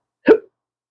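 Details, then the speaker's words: Adult man with chronic intractable hiccups, not responding to any known treatments: a single abrupt, short voiced hiccup. "So I can't walk on a set, let alone work on set, hiccuping like this."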